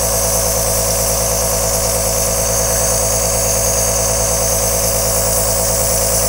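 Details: An aerosol nebulizer compressor running, heard as a loud, continuous buzzing hum with a rapid mechanical throb.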